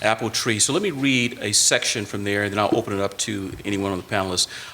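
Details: Adult man speaking; normal voice.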